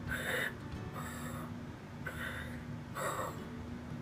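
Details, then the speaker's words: Lung auscultation with a stethoscope: breath cycles with scattered, moist crackling, medium crackles suggesting built-up fluid. "usually scattered about and the fluid is getting more built up or there's fluent present"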